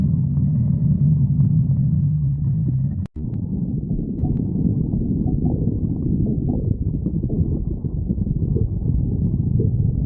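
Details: Continuous low, churning gurgles and rumbles of stomach growling, with a brief click partway through; borborygmi (stomach growling).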